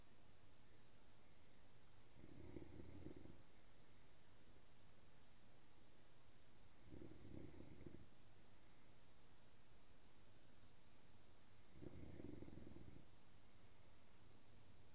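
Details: Woman snoring during sleep: three low, rumbling snores on the breath, about twelve a minute, over steady background hiss.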